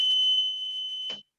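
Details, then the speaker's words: Respironics oxygen concentrator unplugged: a steady high-pitched continuous alarm with a red light, cut off abruptly. This is the power-failure alarm, meaning no power is reaching the machine. "so with this I pull the power you're gonna hear the audible alarm and it doesn't stop you're gonna get a red light"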